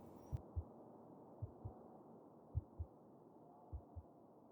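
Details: Soft, low paired thumps in a steady rhythm, about 50 to 55 beats a minute, over quiet hiss, heard in an ASMR cuddle roleplay heartbeat recording; a normal heartbeat.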